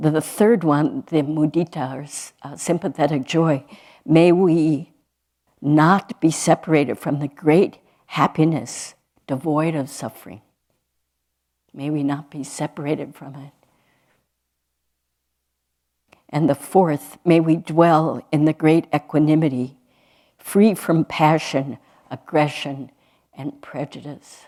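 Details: Adult woman speaking; normal speech.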